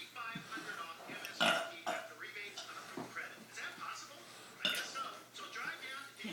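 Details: Two people holding a burping contest at breakfast: loud, drawn-out belches, two most prominent, repeated amid chatter and laughter.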